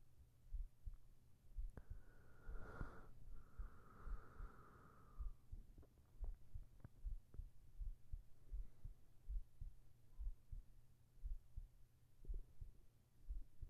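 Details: Steady, regular soft low heartbeat thumps at about 60–70 a minute with a brief early hum, recorded as an ASMR sleep track with whispered voice; normal heartbeat.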